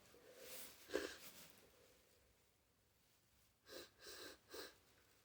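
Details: A person with a tickle in the nose, about to sneeze: a breathy inhalation, a sharp burst, then three short bursts of sneezes or sniffs in a quiet room.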